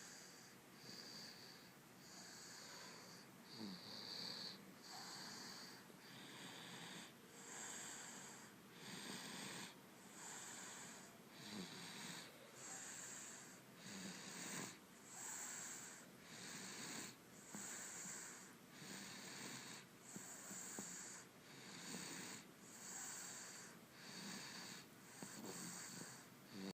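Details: Female pet animal snoring while asleep: rapid, rhythmic hissing snores, roughly 45 to 50 noisy breaths a minute.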